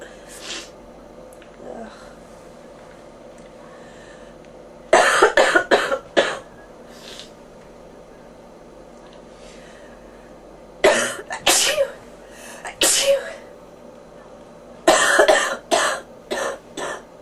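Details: Three bouts of harsh, rattly coughs, several per bout, separated by quiet pauses, from a person with bronchitis who mentions fever and ears popping; a chesty bronchitis cough.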